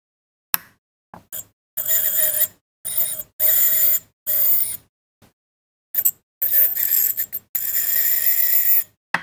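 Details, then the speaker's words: Repeated bursts of high-pitched hissing whine starting and stopping from a repaired ultrasonic dental scaler used in a veterinary clinic, output about 33 kHz, working normally. "You can hear the noise. So it's working fine. The device is done and it's working."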